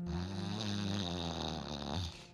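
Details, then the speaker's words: Adult man snoring while asleep on his back, a loud, deep, rattling snore over one long breath in; partner reports he then stops breathing and catches his breath, in a sleep breathing disorder context; snoring. "it usually happens when he's on his back and then he will just he gets into that deep snore like that I"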